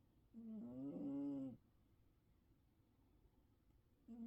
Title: snoring